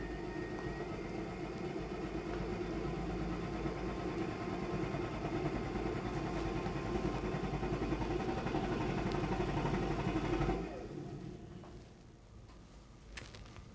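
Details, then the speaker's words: High-frequency chest wall oscillation vest on a cystic fibrosis patient: steady rapid mechanical thrumming that stops abruptly near the end. "okay so sam's starting out at a hertz of 11. pressure is six for six minutes"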